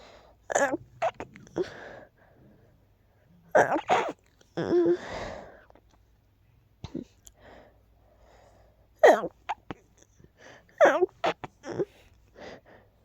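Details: Bout of sneezing just before falling asleep from a tickle, not rapid this time: repeated short, explosive sneezes in several clusters, some preceded by a quick breath in; sneezing.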